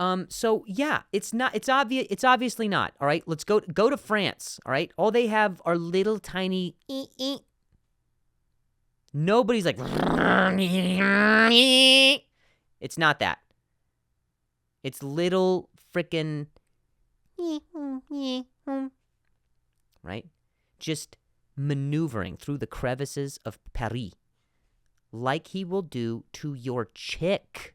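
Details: Adult man, real stuttering in spontaneous speech, repeating a word many times.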